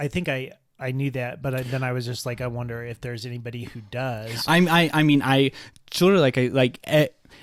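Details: Stuttering in an adult man who has stuttered his entire life, much worse in childhood and milder now, with blocks and awkward pauses, using "like" as a springboard out of stutters.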